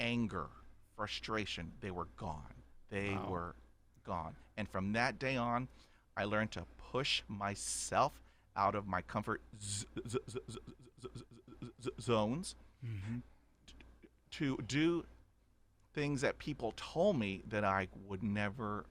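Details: Adult man stuttering since childhood, about 80% fluent after 20 years of speech therapy, still with blocks and repetitions; stuttering.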